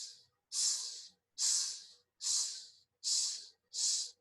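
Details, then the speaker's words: Vocal imitation of a mitral regurgitation pansystolic murmur, apex radiating to the axilla: long, even hissing sounds about 74 a minute, taught as a long murmur. "Okay, sounds like that. It's a long murmur."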